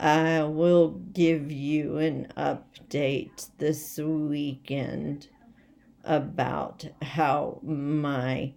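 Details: Voice tremor from essential tremor in an adult woman: rapidly progressive and badly out of control, most affecting her head and voice, with word-finding difficulty and leg and hand weakness; she is awaiting movement disorder specialists.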